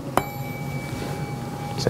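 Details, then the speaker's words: Tuning fork struck during a cranial nerve examination, giving a clear sustained ringing tone; placed on bone behind the ear, then beside the ear, for the Rinne hearing test. "I want you to tell me when you can no longer hear the tuning fork at that point I'm going to bring the tuning fork to the side of your ear and I want to know if you can still hear it okay"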